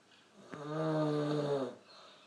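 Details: Snoring, with a small fart at the end; a single long, low, rattling, buzzing snore on an in-breath lasting over a second.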